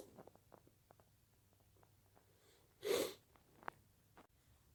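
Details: One sharp, loud sneeze in a quiet room, with faint sniffs and small noises before and after it, on a day of repeated sneezing.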